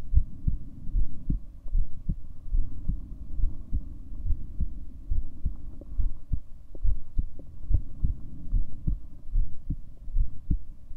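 Regular low thumping heartbeat at about 70 beats a minute over a steady background hum.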